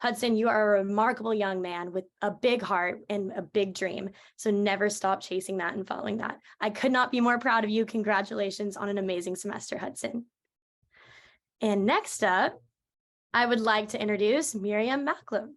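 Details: Adult woman speaking; fluent speech.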